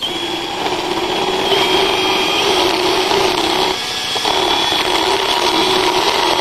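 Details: Power float filing a mare's teeth during an equine dental exam and prophylaxis: a continuous grinding motor whine with rasping.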